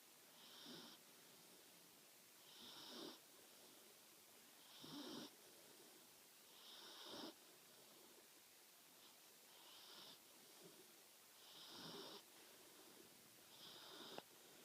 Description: My 13 week old Labradoodle puppy snoring. She has perfected the cuteness of this I believe!